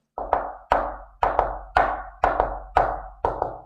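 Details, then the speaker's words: Ventricular (protodiastolic) gallop, teaching example: sharp, clicky S1 and S2 with an extra S3 in early diastole after the second sound, giving a galloping three-beat rhythm. "Entonces, cuando nosotros escuchamos los dos ruidos cardíacos y S3 se denomina galope ventricular o protodiastólico, porque S3 se produce en la protodiástole o el inicio de la protodiástole y se escucha de esta manera."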